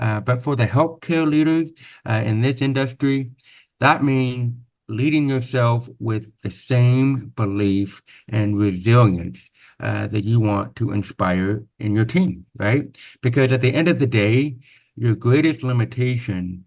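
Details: Deaf speech (hearing-loss accent) in a man born with very severe/profound hearing loss (about 90%), with over 13 years of speech therapy; real, not acted.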